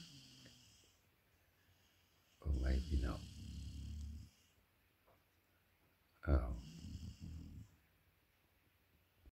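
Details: Dogue de Bordeaux (French mastiff) puppy snoring loudly while asleep; deep, rumbling snores with a snorting onset, two breaths about four seconds apart with quiet pauses between.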